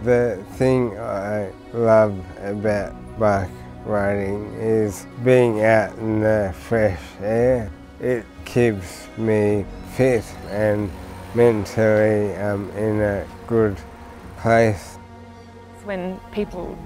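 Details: Dysarthria from motor neurone disease with bulbar involvement in an adult man, about 12 months after his September 2020 diagnosis; onset came suddenly when he noticed his tongue "was gone" while talking.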